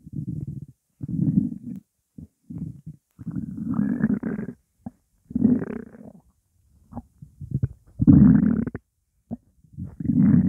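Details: Hunger bowel sounds, stomach said to contain only water: repeated low gurgling growls and rumbles from an empty stomach with brief pauses between; normal hunger rumbling.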